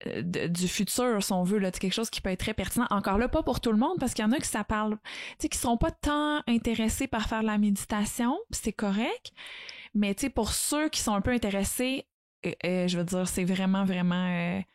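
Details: Adult woman speaking French; normal speech.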